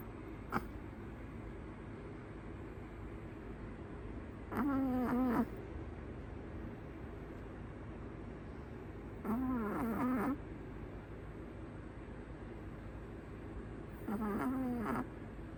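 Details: Female Chihuahua in deep sleep in her owner's arms, raw audio with no music: three soft, wavering snores about 4–5 seconds apart over quiet room noise; gentle snoring in a small dog.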